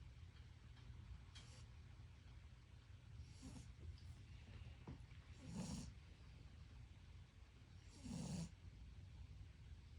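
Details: A sleeping pet dog snoring, with repeated rough, throaty breaths over a low, steady background rumble.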